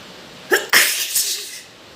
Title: Wet sneezing.